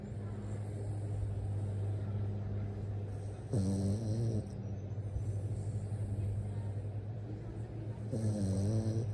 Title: Lady is snoring 😴